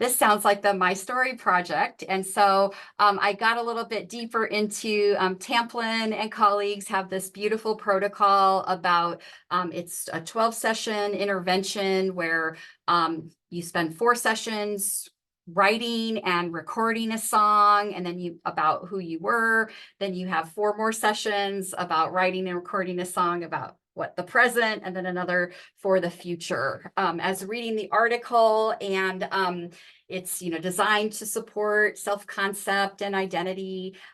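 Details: Adult woman speaking; normal speech.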